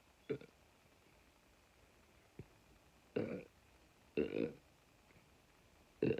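Several short, low gulping burps come one after another in a quiet room.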